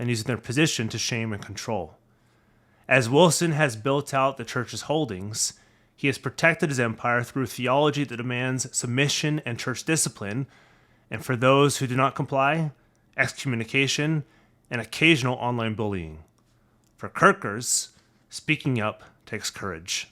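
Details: Adult male narrator; Normal speech.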